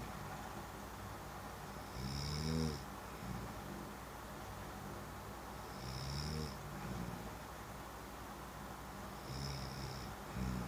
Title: snoring hubby :) :)